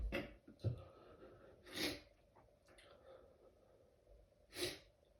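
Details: Stifled sneezing fit at work, in a bathroom: several short, muffled, held-back sneeze bursts with quick breaths between them.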